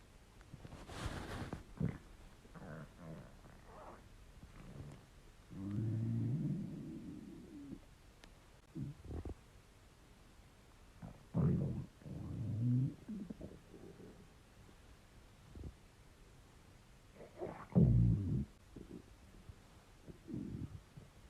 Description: My stomach was a little gassy and empty. Got some interesting sounds out of it.